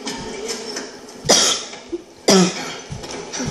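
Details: The person gives two sharp, explosive, dry-sounding coughs about a second apart, with room noise in the background.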